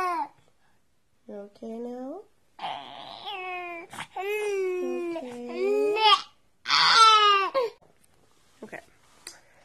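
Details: Infant about 7 months old with a lingering cold and congestion, recently constipated after starting solids, crying and refusing to be put down: bursts of high, wavering crying with short pauses between them.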